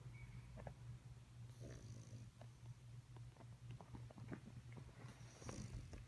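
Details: Sleeping puppy snoring: soft, low, fluttering snores with faint snuffles against a steady background hum.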